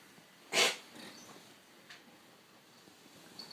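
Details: Cat on daily antibiotics about 3 months, cough recurring 1–3 times daily when doses missed, clear watery nose mornings; owner unsure if cough or reverse sneeze: single sharp forceful nasal snort-like burst, then faint sniffs in a quiet room.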